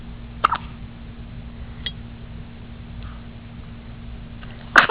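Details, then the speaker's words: Infant hiccups in a 24-day-old baby girl: brief sharp catches a few seconds apart against a steady room hum, the last one louder. "did the hiccups? Oh, what a funny face. What a funny face. Those old hiccups are hard, aren't they?"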